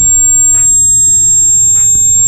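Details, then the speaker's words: Simulated tinnitus: a steady high-pitched ringing tone representing the ringing sometimes heard in the ears, linked to the cochlea. "तो देखो यार इसे tinnitus बोलते हैं। अब टिटनेस मत समझ लेना टिनाइटस।"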